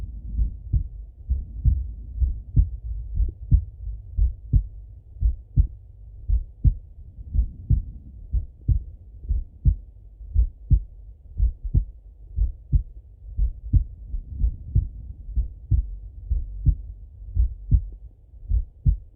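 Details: Full heart auscultation through a stethoscope on a male, recorded either sitting at a desk or lying in bed: steady low lub-dub beats at about 58 a minute with no added sounds, normal heart sounds.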